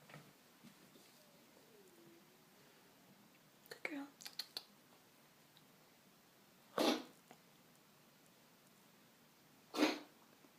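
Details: Two sharp, explosive coughing bursts from a dog about three seconds apart, after a soft whine and a few clicks in a quiet room; cough.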